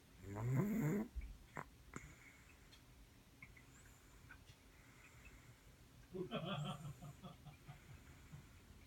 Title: Snoring 2016